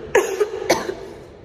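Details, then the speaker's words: Two short, husky coughs about half a second apart with little voiced sound, from a woman who has lost her voice and says even coughing doesn't bring it back; cough with hoarseness. "tousser et même en toussant ma voix elle revient pas j'ai pas de voix"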